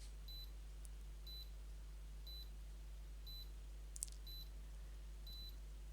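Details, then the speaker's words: Home ECG recording unit starting a reading on a patient diagnosed with atrial fibrillation: soft, high electronic beeps about once a second over a steady low hum; ECG monitor beeping. "it's reading so the beeping you here is that reading and it's going to love this so that's what it's doing at the moment it's just um reading"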